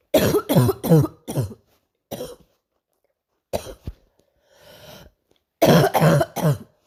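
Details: Persistent night-time cough: repeated bursts of harsh coughing in clusters, about ten coughs with pauses and quiet breaths between.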